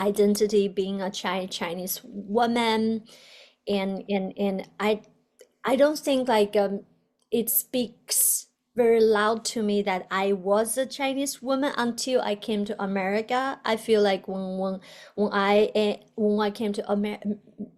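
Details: Adult woman, a doctoral student who stutters, with a word repetition; stuttering.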